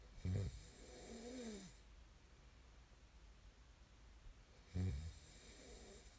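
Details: Snoring ASMR recording: two low, rattling snores a few seconds apart, with quiet breathing between them against faint room noise.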